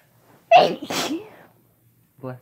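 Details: A single forceful sneeze with a sharp breath-in beforehand, then a brief word from another person saying "bless you", during a sneezing fit.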